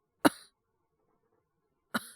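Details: Acted cough voice drama: young male teacher with a cold and high fever, worsening over two days, gives two short, single dry coughs about two seconds apart while taking a phone call.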